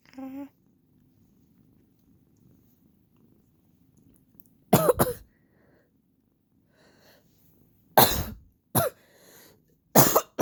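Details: Three bursts of two or three hacking coughs each in a quiet room, from a person with allergies; the pet cat gives a dirty look at the coughing.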